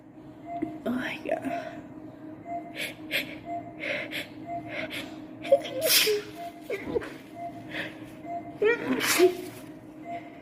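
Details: Repeated sneezing: several sharp sneezes, each preceded by a quick indrawn breath, in a room with background music and quiet talk.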